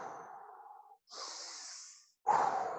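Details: Deliberate deep breathing when observed.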